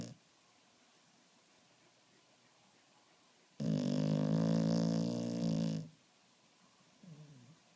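One loud, rumbling, buzzy breath noise lasting about two seconds in a quiet room: snoring in a sleeping dog.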